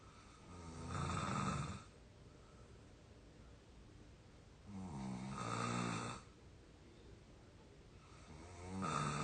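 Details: Soft, buzzing snores about 14 a minute with quiet pauses, from an exhausted sleeping 22-year-old out cold; real snoring.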